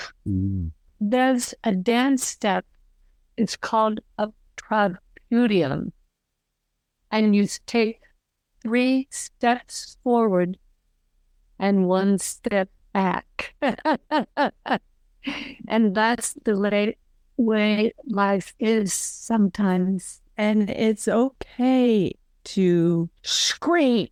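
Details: Aphasia in a woman 12 years after a stroke who advocates for stroke and aphasia; halting speech.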